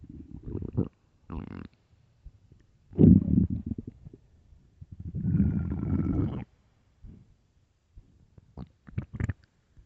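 Loud, low gurgling and rumbling bursts with a long growl and a few brief squeaks, typical of an empty, hungry stomach.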